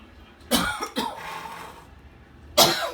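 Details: Adult who skipped daily jogging for four days: three harsh, forceful coughs, two close together and one after a pause, in a quiet room; a brief coughing episode.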